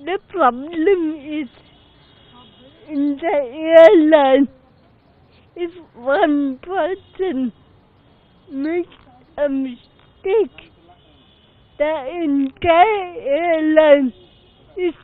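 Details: Adult passenger with cerebral palsy speaking about a disability-rights legal victory; dysarthria due to cerebral palsy.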